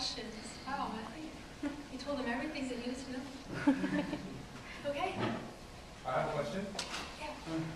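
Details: Adult speakers in a small room; typical speech.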